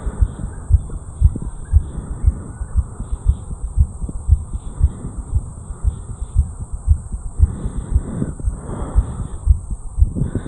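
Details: 34-year-old male, heartbeat recorded at the mitral area after jogging up a flight of stairs: fast, regular beats at about 115 per minute over background hiss, sinus tachycardia after exercise, a normal response.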